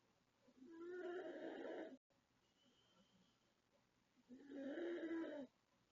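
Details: A 36-year-old woman snores very loudly during sleep: two loud, rough, groaning inspiratory snores about four seconds apart, with quiet exhalation between.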